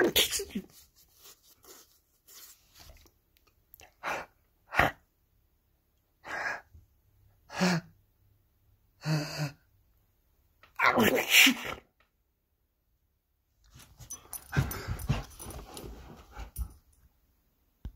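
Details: Person fakes sneezes to prompt a 97 lb female AmStaff mix dog to sneeze; several short sharp sneeze-like bursts, some human imitation, some from the dog, in a quiet room; sneezing.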